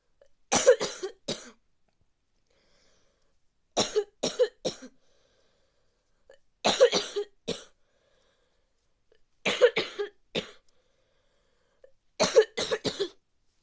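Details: Adult with a bad cold: repeated bouts of three harsh coughs.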